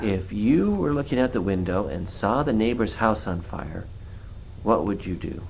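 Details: Adult male speaker; ordinary speech.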